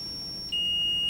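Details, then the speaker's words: Zoll R-Series defibrillator charging to 30 joules in defib mode for a test shock delivered into the machine via the therapy cable: steady high electronic tone stepping down to a lower steady tone. "So you'll just turn this to defib. We're going to select the energy down to 30 joules, charge,"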